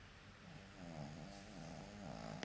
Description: My dog snores. :))